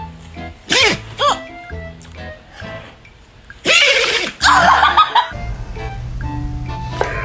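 A dog gives two or three sharp, noisy sneezes over loud background music.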